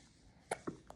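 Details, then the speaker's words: Baby hiccuping: two short, sharp hiccup bursts in a quiet room, followed by a faint third sound; infant hiccups. "你在打嗝，你自己听，你自己听，你要打哥哥的声音。"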